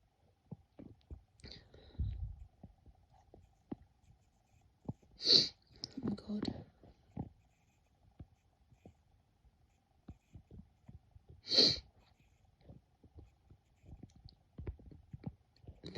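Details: Two short, sharp sneezes about six seconds apart, with soft breathing and small mouth sounds between; sneezing.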